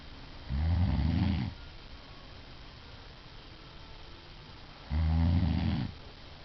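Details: Adult woman snoring during sleep: two deep, rumbling snores about four seconds apart, with quiet breathing between.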